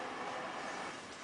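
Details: Philips Respironics E70 cough assist (mechanical insufflation-exsufflation) used through a face mask on a 6.5-year-old girl weighing 16 kg, given as 3 rounds of 6 breaths: steady rushing airflow hiss as the machine cycles.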